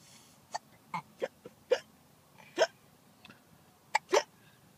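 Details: Adrian has the hiccups: brief sharp involuntary vocal catches repeating irregularly, about eight in under five seconds, in a quiet room.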